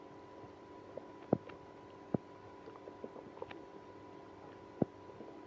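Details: Stomach growling in a person with irritable bowel syndrome after drinking milk and prune juice. Short gurgles and pops at irregular intervals over a faint steady room hum: active bowel sounds.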